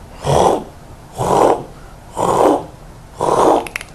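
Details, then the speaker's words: Vocal imitation of an aortic stenosis murmur while teaching with the Harvey cardiology manikin: four harsh, breathy systolic crescendo-decrescendo whooshes about one per second, each rising then ending around or just before S2. "it's a crescendo decrescendo murmur meaning that there's an up phase in a down phase and so it'll be something like this so the murmur will go up and down that's a typical a or tics chlorosis murmur"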